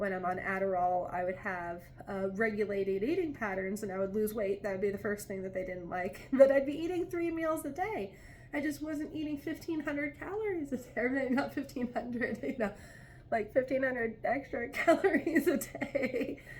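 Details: Adult woman with ADHD who says she has always talked fast; clinicians call it pressured speech and doctors tried mood stabilizers to slow it; pressured speech.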